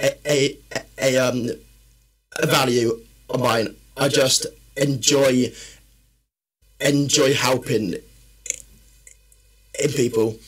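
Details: Adult man, a personal trainer and former army medic, with a stammer since childhood that worsens when he is tired, stressed or nervous: stuttering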